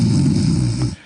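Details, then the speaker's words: A sleeping radio caller snoring on an open phone line: a low, rumbling snore with steady high hiss of crickets in the background. "You can hear the guy snoring. You can hear him snoring."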